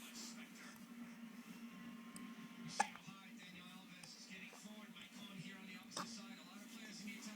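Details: Hiccups: two sharp, abrupt hiccup sounds about three seconds apart over steady room hum and faint background talk.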